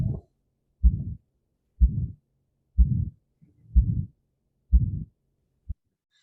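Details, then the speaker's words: Aortic stenosis at about 62 beats a minute: after the first heart sound a crescendo-decrescendo murmur that rises then falls; systolic ejection murmur. "so in this case we heard the first hot sun is there is something like a murmur here which becomes louder and then less loud again it's called a systolic ejection mark"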